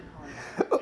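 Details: Two quick voiced gulping hiccups in an adult with intractable hiccups since December 2015, with hourly attacks and choking spasms.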